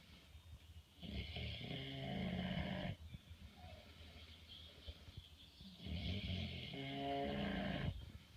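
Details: Pig in a barn in the evening, loud snoring: two long, rough, rumbling snores about five seconds apart, roughly 12 breaths a minute.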